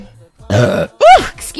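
Two loud throaty belches in quick succession, the second rising and falling in pitch; ordinary burping from swallowed gas.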